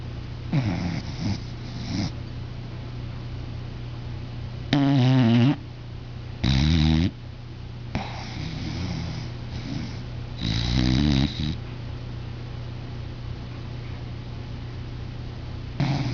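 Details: Angel asleep, possibly dreaming: repeated low, buzzing snores, some loud and some faint, every one to two seconds over a steady background hum; snoring.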